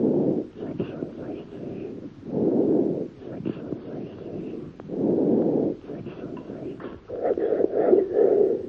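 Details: Post-tussive crackles.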